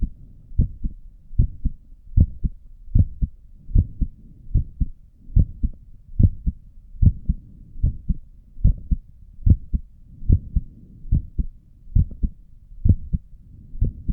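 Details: Steady paired low thumps at about 73 per minute, regular rhythm, recorded by stethoscope of own normal resting heartbeat while sitting at a desk; visible neck pulse.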